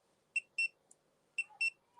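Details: Paired short high electronic beeps from a finger pulse oximeter alarm during a reading of about 87 percent oxygen saturation; readings of 89–92 on changing fingers.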